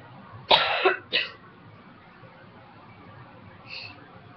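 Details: Dry cough during a cold in an ex-smoker who quit almost 2 years ago: two short, harsh coughs with no rattle, then a faint throat sound.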